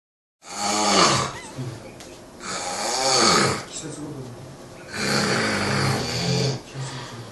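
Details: Loud, rough snoring with strong vibrating inhalations, about three breaths in seven seconds, and some voiced groaning on the out-breath; a sleeping person snoring.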